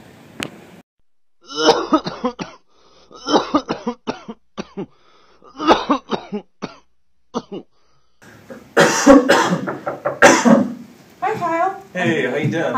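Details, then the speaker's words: Simulated pharmacy role-play of a persistent dry, non-productive cough that cough drops have not helped and that keeps the patient awake at night: acted bouts of short, harsh coughs with no wet rattle. "my cop just i cannot kick this cough i've been eating cough drops all day and i just stay awake all night coughing and it's just like super dry and i can't nothing comes out just nothing happens i can't get rid of it"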